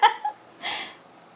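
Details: Standing infant girl, drooling, with a bout of hiccups: a brief sharp voiced catch, then a soft breathy exhale in a quiet room; infant hiccups.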